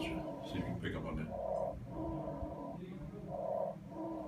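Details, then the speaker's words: Simulated breathing from a lifelike training mannequin portraying an asthmatic patient in paramedic training: fast breathing at about 30 a minute with musical wheezes, imitating severe asthma. "so it's actually breathing that sound that we hear is simulated breathing of the actual mannequin that is correct"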